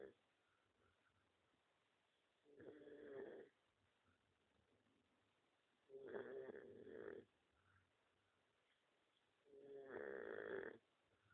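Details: Dog snoring: three rhythmic rasping snores, one every three to four seconds, with quiet pauses between, about 17 breaths a minute.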